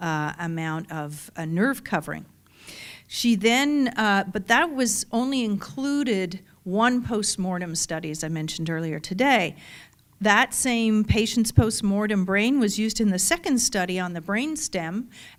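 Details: Adult woman; typical speech.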